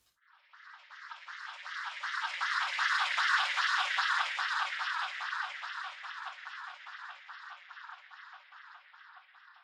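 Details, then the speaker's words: Simulated cochlear implant hearing (MED-EL Sonnet 2, single-sided deafness, three months after surgery) reproduced for the working ear: police siren as rapid, buzzy, pulsing bursts, distorted but still recognizable as a siren. "Okay, when it comes to additional things like this, for example a siren. Police siren. I think that it is also perceived quite nicely by the processor because I can almost immediately distinguish that it is a siren (police or other)"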